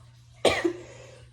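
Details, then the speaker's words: Single short, dry cough with no rattle over faint room hum; a dry irritative cough from throat irritation in a woman with hyperthyroidism (overactive thyroid), who says she coughs throughout and it sounds fake. "like my throat like throughout this video you kind of see me coughing or like i don't know how to explain it like it's like a real petty like fake i feel like it sounds like a fake cough like it's it's annoying to me"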